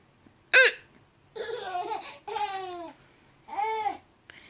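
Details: A grandmother's single sharp hiccup followed by bursts of bright laughter from her baby granddaughter; hiccups.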